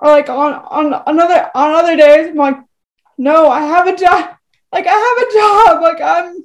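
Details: Woman with cerebral palsy who uses a wheelchair; dysarthria (cerebral palsy).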